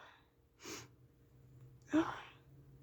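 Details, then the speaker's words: Sneezing by a person in a car on a rainy day: two short, sharp bursts of air through the nose and mouth, over low engine-like background noise. "I'm just feel really Sneezy right now oh God and I'm going to"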